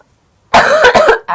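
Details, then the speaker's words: Young woman with a lingering cold, coughing while smoking. A short burst of two to three harsh coughs after silence. "I almost just coughed into the bowl and made it go everywhere. I have a I still have a little cold right now."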